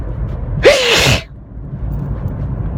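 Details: Single loud adult sneeze with a rising vocal onset and hissing release over steady road noise, from a driver sneezing repeatedly with watering eyes who feels he may be getting sick.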